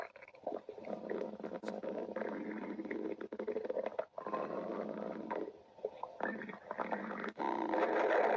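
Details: Meggy's stomach growling (borborygmi).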